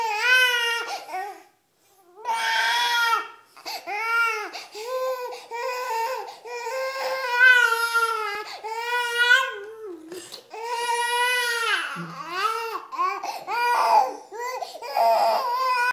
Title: The cute baby crying